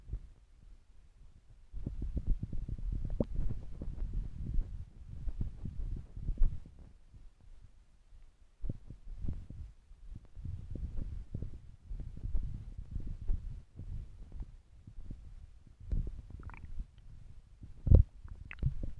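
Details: Low, irregular gurgling and rumbling in bursts with quiet gaps, recorded by a phone pressed against the stomach: ordinary stomach growling (borborygmi).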